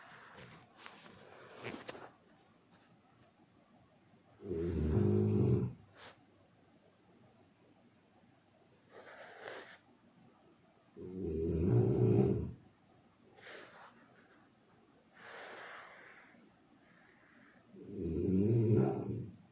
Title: Bunyi dengkur yang membantumu tahajud (snoring sound)